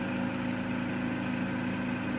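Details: Home air compressor running with the heater on, mist travelling through tubing to a tracheostomy mask. Steady low motor hum and buzz.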